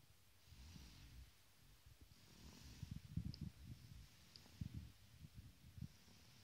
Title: 4 months old baby snoring